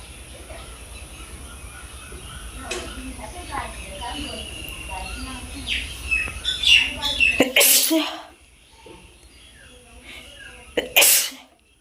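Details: Outdoor sneezing challenge: two sharp, hissy acted sneeze bursts outdoors, with birdsong and faint voices in the background; imitated sneezes.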